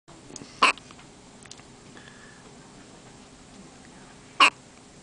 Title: Hiccups 4